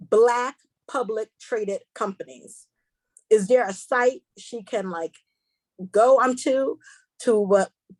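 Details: Stuttering in a female seminar host who describes herself as a stutterer, proud of it, and says she will stumble over words during the seminar.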